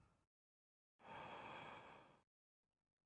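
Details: Deep breath in and out with the mouth open, requested during a respiratory clinical examination: one long, airy breath with the tail of another before it. Normal deep mouth breathing.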